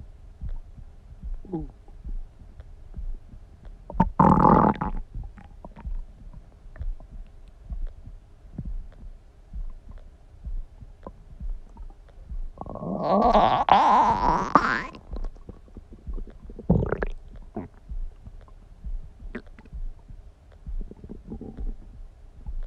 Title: Stomach Sound ASMR | My Stomach Makes Noises